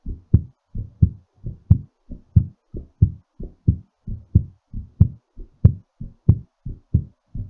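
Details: Clear, steady lub-dub pairs at about 90 beats a minute, slightly fast during recovery after exercise; normal heartbeat.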